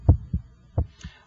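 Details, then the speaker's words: Electronic stethoscope at the apex, first heart sound timed with the radial pulse: low lub-dub pairs, first sound louder; normal first and second heart sounds. "I can hear your first heart sound and I can hear the second heart sound the first hot sound should have a louder quality in this apical position"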